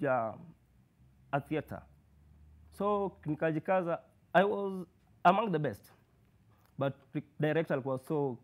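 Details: Male university student who has stammered since birth, with blocks, prolongations and repetitions; worse when anxious or in public; stuttering.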